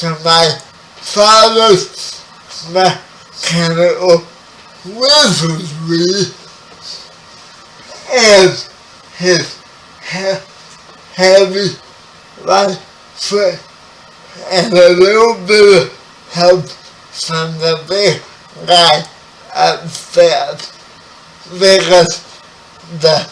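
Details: 30-year-old man with spastic quadriplegic cerebral palsy, born 11 weeks premature; his speech is affected by the condition. Spastic dysarthria.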